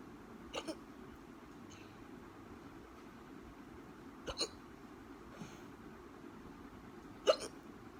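Three short, sharp hiccups spread over eight seconds against quiet room noise.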